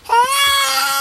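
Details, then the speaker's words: Baby crying, already upset before getting his shots: a sustained, rising cry with a clear tonal pitch. "that's not a good start D is going to get his shots he's already upset that's not a good start to the shot situation"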